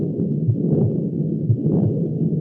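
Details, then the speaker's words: Continuous (systolic-diastolic) murmur occupying both systole and diastole, the two parts separated by a loud second heart sound; teaching examples given are double aortic lesion, PDA and moderate pulmonary hypertension. "Estos, pues, como su nombre lo dice, se refieren a los soplos que van a ocupar tanto la sístole como la diástole y se considera que aquí ambas partes van a estar separadas por el segundo ruido."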